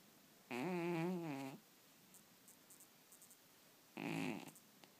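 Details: Two loud, buzzing snores a few seconds apart from a cat sleeping and dreaming, with quiet room noise between; cat snoring.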